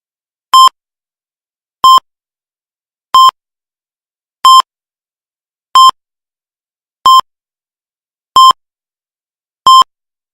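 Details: Heart rate monitor sound effect from a library recording: evenly spaced short electronic beeps, about 46 a minute.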